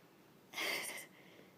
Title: Playtime and puppy sneezes with Juno the 8-week old Boston Terrier puppy